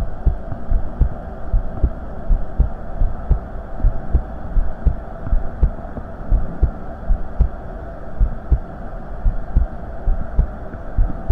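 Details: A streamer's own heartbeat picked up by a microphone during an ASMR stream, steady, regular low thumps at about 80 a minute with a soft background hum; a normal heartbeat.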